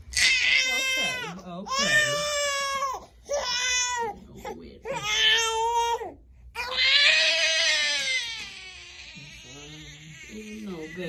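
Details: A newborn boy getting his first vaccination shots in the legs gives loud, high-pitched crying in repeated wailing bursts with catching breaths between them; pain cry after injection.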